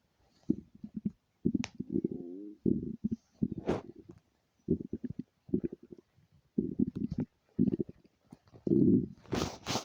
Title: stomach rumbling